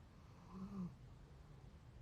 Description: Cute tired doggy snoring while he sleeps.